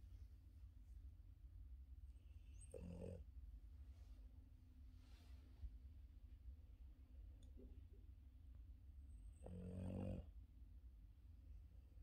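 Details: Two deep, rattling snores several seconds apart over a steady low hum from Yoda, a Boston terrier deep asleep on his back; snoring.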